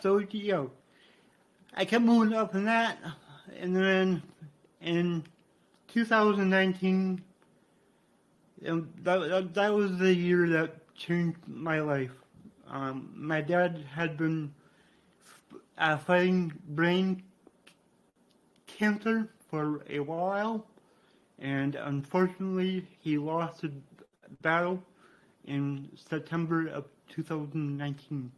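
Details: Adult man with cerebral palsy from brain damage after being born without heartbeat or breathing and revived, who reports a resulting speech impediment; dysarthria (cerebral palsy).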